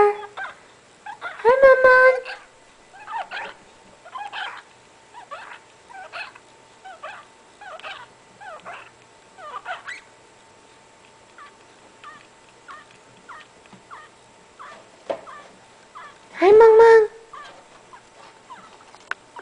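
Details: A pet rat with mycoplasma-related lung abscesses that filled most of its lung capacity makes repeated soft, clicking, wheezy breaths and sneezes. The rat was in severe respiratory disease and was put to sleep four days later.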